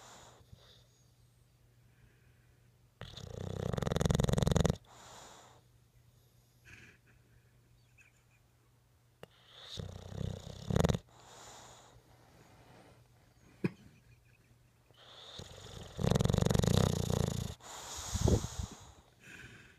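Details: Winston, a sleeping bulldog: loud, rough snoring bursts in irregular waves over quiet breathing.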